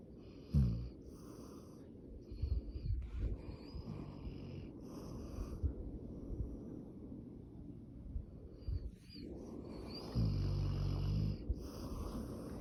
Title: Funny Dog Snoring